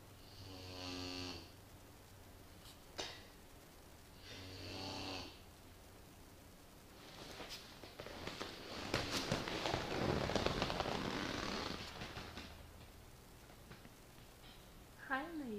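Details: Sleepy Great Dane puppy snoring: loud, rattling snores on each inspiration, separated by quiet expirations.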